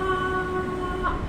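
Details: Adult woman before voice therapy, producing repeated 'aa' phonation; dysphonia with a weak, high-pitched voice.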